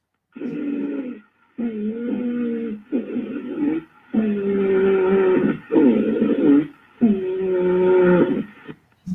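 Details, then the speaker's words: Teaching audio played for EMS training to contrast with stridor: repeated musical, whistling breath sounds with sustained tones on both inspiration and expiration, an inspiratory and expiratory wheeze. "let me play the wheezing audio for you and this is an inspiratory an extra wheeze i chose the ins did both inspiratory and expertise you can kind of really get a lot of the wheezing sounds here"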